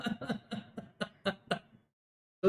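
A rapid run of about six short coughs with no breaths between them, then a pause and a louder sound: paroxysmal cough of pertussis.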